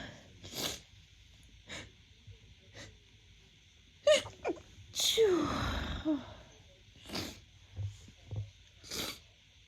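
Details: Several sharp sneezes from a female, one with a loud drawn-out gasp and release, separated by short pauses; first spring 2024 sneezes, attributed to pollen.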